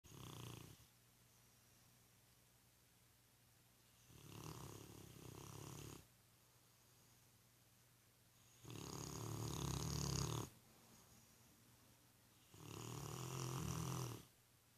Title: My Rotti snores like Fred Flintstone